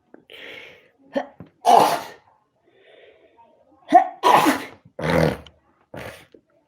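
Several sharp explosive sneezes, some preceded by a quick inward breath, with soft voice sounds between; an allergic sneezing fit.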